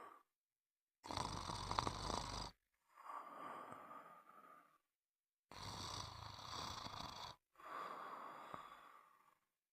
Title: Sound of snoring